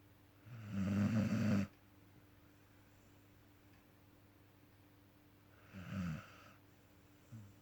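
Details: Sleeping dog: two loud rattling snores on breathing in, separated by a quiet pause, a third just starting at the end; snoring.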